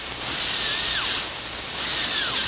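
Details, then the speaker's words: High-speed dental handpiece on a dentiform mandibular molar (simulated full cast gold crown prep), completing distal occlusal reduction: a shrill high-pitched whine that dips briefly in pitch as it cuts the model tooth. "Again, adjust the orientation of the rotary instrument for each step of this procedure."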